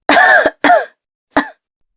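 Three short, rough voiced throat-clearing bursts, from a cartoon or game character.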